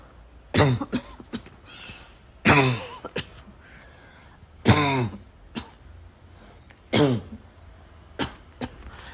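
Four harsh, explosive coughs a couple of seconds apart, with brief throat clearing between them; a repeated, persistent cough.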